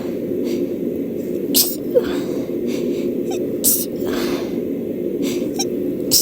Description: I caught another cold because I haven’t been getting enough rest :/ I haven’t been super sneezy until today, but I recorded this.